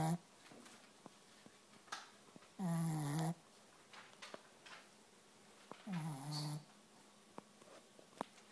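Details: Female, very tired after a play date, snoring: two drawn-out buzzing breath sounds about three seconds apart in a quiet room.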